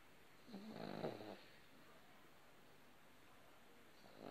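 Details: Sleeping pug snoring very loudly: a single loud, rattling snore from the small flat-faced dog in a quiet room.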